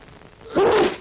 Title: Coughs, Sneezes, and Jet-Propelled Germs - PSAs & Short Film - (1945 1948 1955)